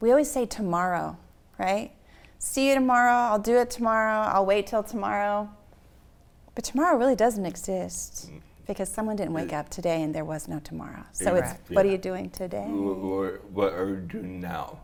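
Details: Adult woman speaking; typical speech.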